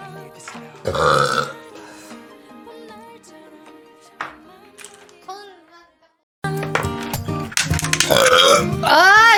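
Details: Burp compilation from a Korean live streamer: several loud voiced belches from one person, with music and speech in the background.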